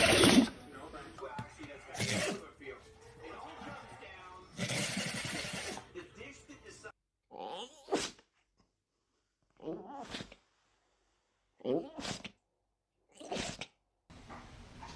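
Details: Dog sneezing: a few short, sharp bursts of air separated by quieter snorts and pauses.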